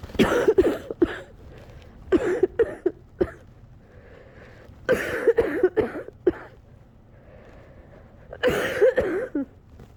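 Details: Coughing fit from a cold lasting a couple of weeks, near the end of a fit close to an hour long: repeated clusters of harsh coughs with shaky, unsteady breathing between bouts.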